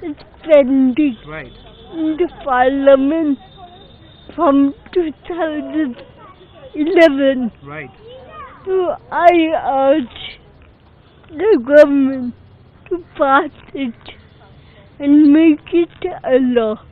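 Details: Adult woman speaking; Dysarthria due to cerebral palsy.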